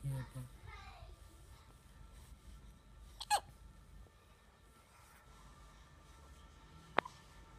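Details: Two sharp, abrupt hiccups a few seconds apart in a quiet room, with a brief faint voice at the start; hiccups.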